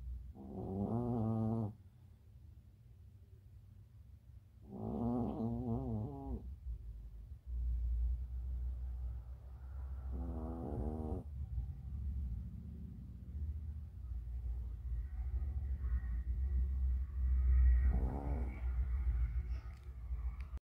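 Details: Small Chihuahua dog snoring: slow, regular rattling snores, about four breaths in twenty seconds, against a steady low background hum.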